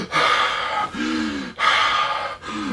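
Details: Adult who gained 30–40 kg and has sleep apnea, stopping breathing about 80 times an hour for over 10 seconds when on the back, imitates two harsh gasping breaths with voiced groans; simulated gasping awakening, treated with CPAP.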